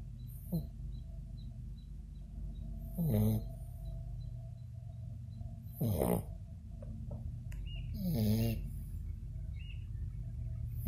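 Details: Squeaky, groaning snores with a falling pitch, roughly every two and a half seconds, over low background hum: snoring.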